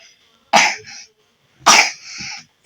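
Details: A young child, one of twins, gives two loud, harsh coughs about a second apart, each with a short rough tail. The child is recovering after a week of seasonal flu with high fever and a cold; the cough persists.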